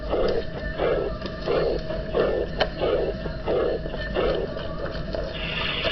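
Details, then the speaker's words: Aortic regurgitation murmur: regular blowing diastolic murmur about 90 times a minute, fading after each beat in a decrescendo shape as the aorta–left ventricle pressure gradient falls. "As you can see, during the course of diastole, as the blood flows backwards from the aorta into the LV, the pressure in the aorta decreases, and thus the pressure gradient also decreases. This shape is known as decrescendo."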